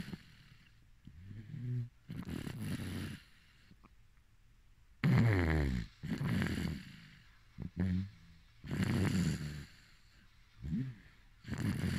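Soft, low rattling snores during sleep, about five in twelve seconds, with quiet pauses between breaths.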